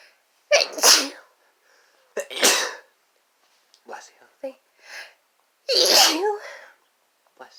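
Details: Sneezing fit from two people, female and male, after inhaling chhinkni sneezing powder: a rapid run of forceful, explosive sneezes, some with an audible in-breath before.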